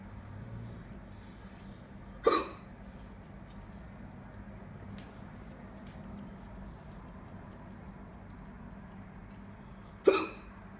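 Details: Two sharp, brief hiccups about eight seconds apart against quiet room noise; ordinary hiccups.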